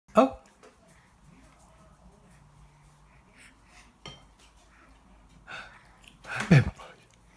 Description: 6 month old baby caught on slow mo video sneezing twice and spits